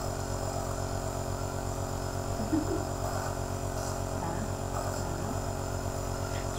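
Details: Omron C28 compressor nebulizer running during inhalation treatment for a child wearing a mask.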